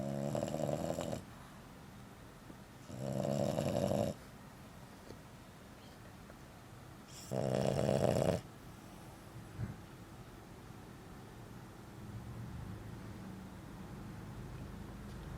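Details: Sleeping French bulldog that had surgery to widen its nostrils: three loud, rough snoring sounds a few seconds apart, separated by quieter breathing; snoring.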